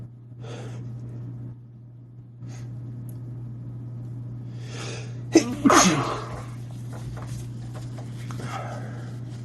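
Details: Person late in a prolonged sneezing fit: quiet breathing over a steady room hum, then one loud explosive sneeze with a brief trailing exhale; sneezing fit.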